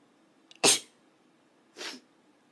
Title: Cute Japaneze girls sneezing and noseblowing くしゃみ70